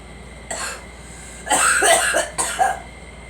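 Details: Girl coughing in a vehicle: three short coughs, the later ones in a quick pair, over steady vehicle hum.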